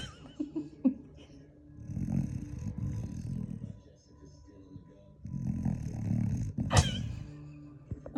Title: My dog Ghost Ghostly snoring really loud